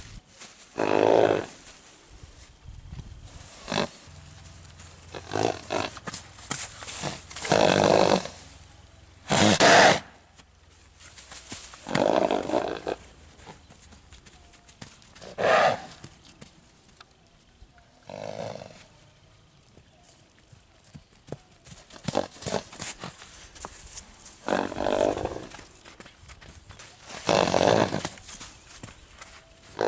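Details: Three-year-old bay purebred Arabian filly, born 2018, filmed on return from the paddock, gives repeated forceful, rumbling snorts through the nose; a normal horse snort.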